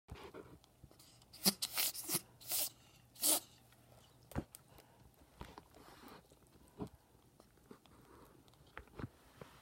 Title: Ferrets got a cold (sneezing)